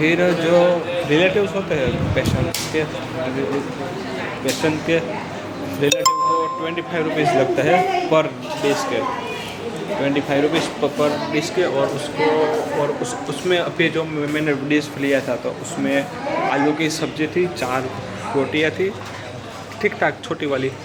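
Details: Adult man with stuttering on day 65 of his stammering-control journey, practicing breathing, slow counting and reading-aloud fluency exercises in a public hospital.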